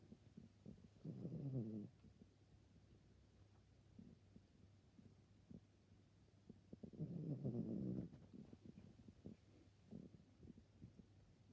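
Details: Sleeping mellow female dog: two low, rattling snores on the in-breath about six seconds apart, roughly ten a minute, with quiet breathing between; ordinary snoring.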